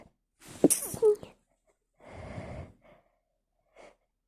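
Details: Someone trying to hold back sneezes and failing: a sharp, explosive sneeze with a short inward catch before it, then softer breathy exhalations, and one partly stifled sneeze.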